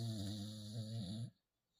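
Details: Sleeping pit bull/bulldog puppy: one loud, buzzy, low snore ending abruptly in silence; ordinary dog snoring.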